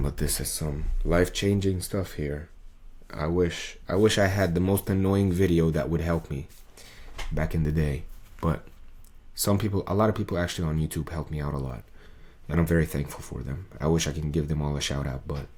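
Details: Adult male with muscle tension dysphonia, diagnosed by an ENT via laryngoscopy in late 2022; this is a recording from before 2023, before his exercises, when a 40-second video took him about 45 minutes to record.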